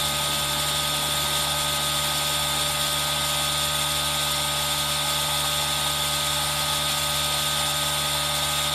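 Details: ASMR recording of a running aerosol nebulizer: a steady high hiss over a constant motor hum with no breaks, mixed with rain sound.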